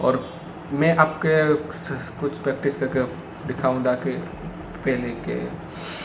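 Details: Hindi-speaking man with self-reported stammer, still practising daily; some words come out unclear, especially those starting with 'd' and 'pr'; stuttering.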